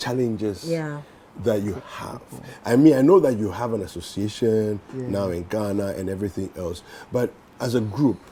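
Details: Adult male speaker; Normal fluent speech.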